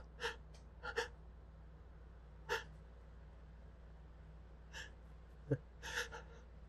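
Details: Pepper/spice-induced sneezing: a run of small stifled hitchy sneezes with catching breaths between, over a steady low hum.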